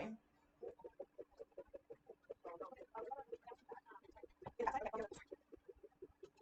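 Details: Doppler pulse signal from a probe gelled and bandaged onto the back leg of an anesthetized female cat (ketamine induction, isoflurane 2%): rapid, regular pulsing whooshes with a brief louder noise burst midway.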